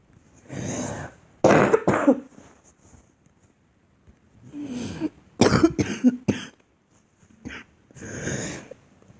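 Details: Girl's deliberate, acted coughing, not illness: breathy, drawn-out coughs alternating with short sharp bursts, several episodes in a quiet room.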